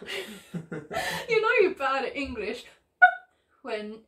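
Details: Young adult speaker; Ordinary speech.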